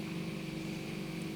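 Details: Ear wax removal by microsuction under an endoscope, with the suction tube hovering over the eardrum to clear flakes: continuous steady suction hum with a low motor drone; ear microsuction.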